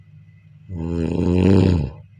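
A single loud, low, rattling snore lasting just over a second, rising then fading; ordinary snoring.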